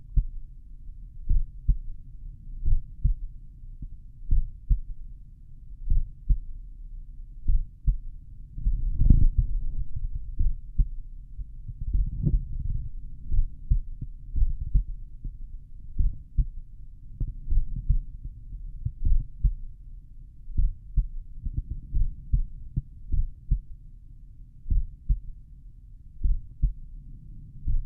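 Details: Deep, regular heartbeat thumps, self-recorded by stethoscope at the mitral area while lying on the back, played back slowed down: heart sounds.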